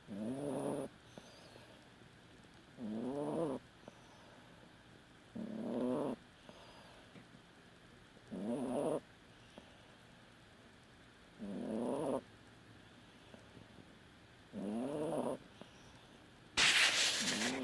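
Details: Yorkie dog after anesthesia and intubation: regular snorting snores about every 2.5 seconds, roughly 24 breaths a minute, with quiet pauses; noisy upper-airway breathing, snoring.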